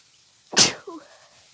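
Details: Person who caught a cold from being outside in winter, in a sneezing fit: one sharp, explosive sneeze with a hissing burst, then a brief fading voiced tail.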